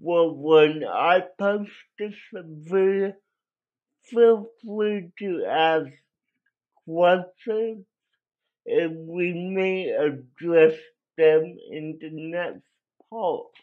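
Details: Adult with cerebral palsy that affected his voice; dysarthric speech (cerebral palsy).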